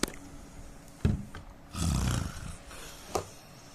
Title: Indian man snoring sound